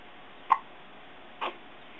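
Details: Hiccups in an 8-day-old newborn boy: two short, sharp gulping catches about one second apart in a quiet room.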